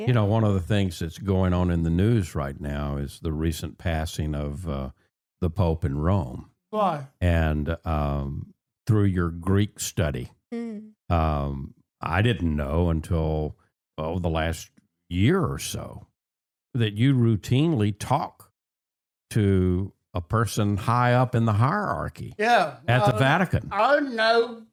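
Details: Adult man speaking in conversation; normal conversational speech.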